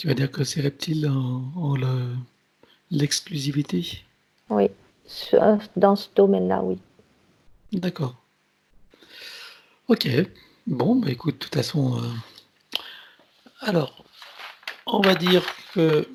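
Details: Adult male speaker; normal speech.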